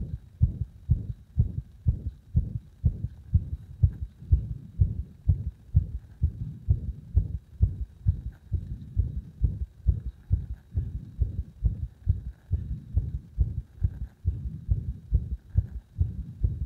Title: 心臓の圧迫を徐々に強めて不整脈起こさせました